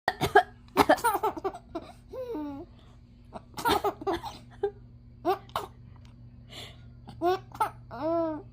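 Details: 5-month-old baby gives a cough, then starts laughing while looking at mother's face: cough.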